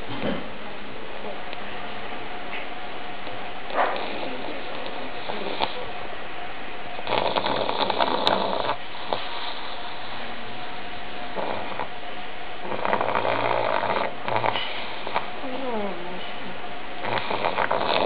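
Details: Old pug sleeping: low rattling snorts and snores in irregular bursts, noisy airflow typical of a short-nosed breed.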